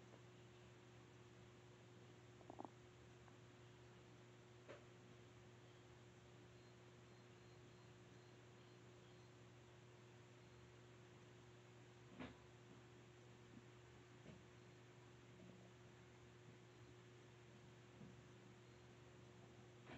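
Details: Quiet, scattered brief gurgles and clicks from the abdomen over a steady low background hum; bowel sounds (borborygmi).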